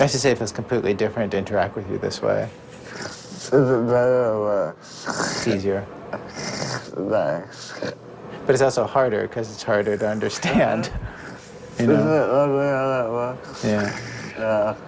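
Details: Adult male speaker; typical speech.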